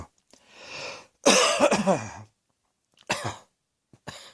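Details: Several sharp, harsh acted cough bursts separated by pauses, one drawn out and throaty; a cross-dressing performer's coughing.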